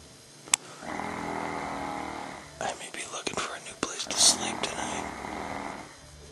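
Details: Harsh, breathy rattling breaths from a sleeping person, with faint background noise; snoring.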